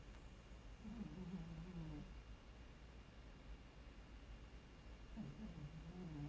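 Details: Cat very quietly snoring: a light grunting noise, two soft, low rumbling breaths about four seconds apart over quiet room noise.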